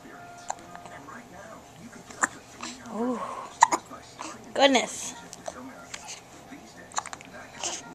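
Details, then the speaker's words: Hiccups from a little boy: repeated sharp, abrupt voiced catches in short bursts, some with a squeak, among soft voices and background music. Recorded with a Flip Video camcorder. "Oh, you got the hiccups."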